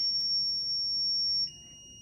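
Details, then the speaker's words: ZOLL monitor training scenario, 30 kg patient, synchronized cardioversion charging to 75 joules (2 J/kg): steady high-pitched tone dropping to a quieter, lower tone; defibrillator charging tone. "So our provider is telling us that they want us to go with the 75 joules, so that's what we're going to use. We are going to charge."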